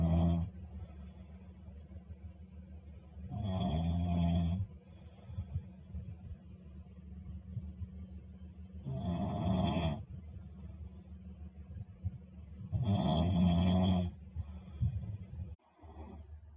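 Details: Loud rattling snores about every four seconds, roughly 15 a minute, with quiet breathing between: ordinary snoring.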